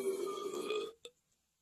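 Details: Bearded dragon gives a drawn-out, low, throaty croak lasting almost a second, then a short click; a reptile burp.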